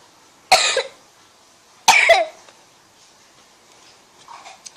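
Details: Child who keeps coughing: two short, sharp coughs about a second apart in a quiet room.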